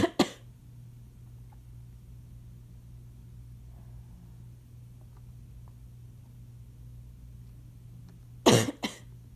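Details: Two brief cough bursts from an adult with asthma who was having trouble taking an inhaler, which may be audible in the background. The asthma cough grows increasingly congested over the recording.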